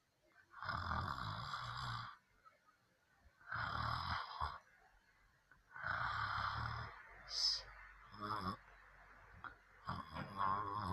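Loud rattling snores on each breath in, about every three seconds, with quiet pauses between; ordinary snoring.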